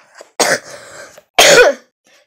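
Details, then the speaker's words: Person with asthma who is sick with a cold or possibly flu: two harsh cough bursts with a brief pause between them; cough. "I'm just sick like I have like a flu or something I don't know it's probably just a cold or something I have asthma"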